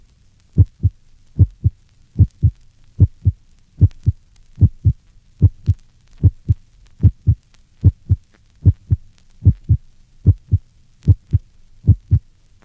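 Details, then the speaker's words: Short PR interval (0.12 s) in a 1965 teaching recording: regular heartbeat near 74/min with a loud, forceful first heart sound. "listen to a loud first heart sound that a patient with a PR interval of 0.12 seconds refer to figure 22."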